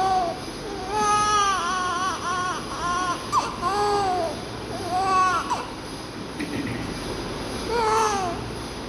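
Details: A baby girl just after birth, during an oxygen process, gives repeated high-pitched wailing cries with a steady rhythm over background room noise; normal vigorous newborn cry.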